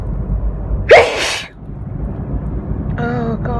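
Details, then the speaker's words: Single sharp explosive sneeze with preceding intake, over steady car road noise, then brief voiced sound, while driving; repeated uncontrollable sneezing with watering eyes, feels maybe getting sick, holding nose didn't help; sneeze. "cuz every time I breathe it's right there I'm sneezing all over myself on I'm drivin that's I got see properly it's not good well eyes are watering"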